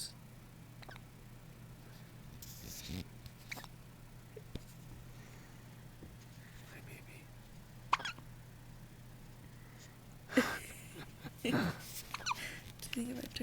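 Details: Newborn girl almost a week old with hiccups: soft, abrupt hiccup clicks every second or two over steady room hum, sounding like a squeaker toy; normal in infants.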